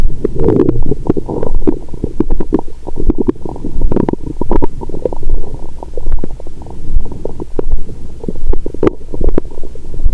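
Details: Active bowel sounds heard through a stethoscope on the abdomen of an adult after a large dinner with wine, taken after a 22-hour fast. Loud, continuous gurgling and rumbling with frequent bubbling bursts.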